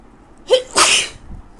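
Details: A sharp in-breath then one forceful hissing sneeze at 3 a.m. from a person with a bad cold and a blocked nose who cannot breathe through it, reportedly while drunk, in Australia.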